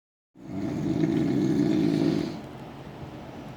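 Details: A single loud, rough, rattling snore lasting about two seconds, then quieter breathing noise; super loud snoring.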